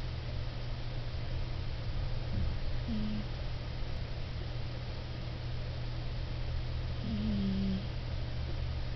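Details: A sleeping cat snoring in the dark: a low, steady rumbling with a few faint whistly notes on the breaths in an otherwise quiet room.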